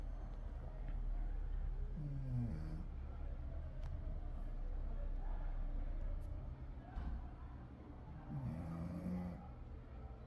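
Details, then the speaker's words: Dog named Zero Caramelo snoring while asleep, tail between legs, paws half crossed, ear up; snoring. "Olha só, caramelo zerinho roncando."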